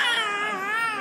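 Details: Infant crying at an ear piercing: a brief, sustained, strong, high-pitched tonal wail.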